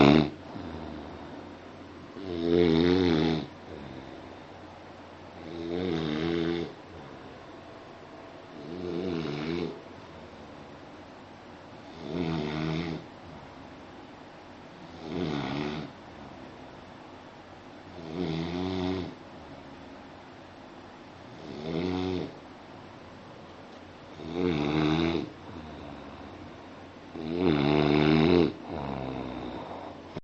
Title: Rhythm of Snoring